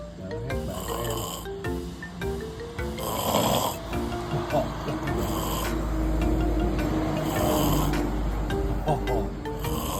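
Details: Someone asleep while friends stay awake makes snoring sounds.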